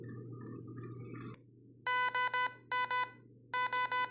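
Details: FVP 10 infusion pump being calibrated at 1,200 ml/h speed with 30 ml volume: soft mechanical whirring, a click, then repeated groups of three sharp electronic beeps; infusion pump operation and beeps.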